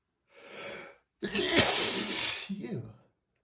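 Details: A quick indrawn breath, then a forceful explosive sneeze and short voiced exhale, after dusting flared allergies; sneeze.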